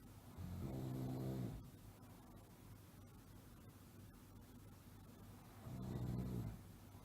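Two low, rattling snores several seconds apart over steady background hiss.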